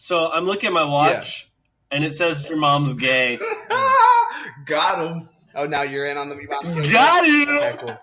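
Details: Adult male speaker; speech in cerebral palsy.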